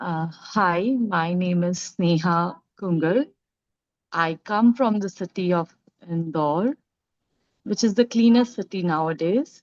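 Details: Adult woman; normal speech.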